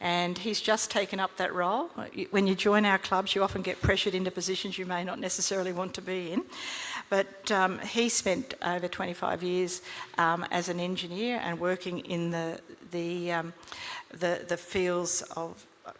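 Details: Adult woman speaking; ordinary speech.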